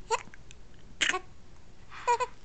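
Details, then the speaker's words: Hiccups: three short, sharp voiced catches about one second apart, each with a giggly squeak. "H you got hiccups now"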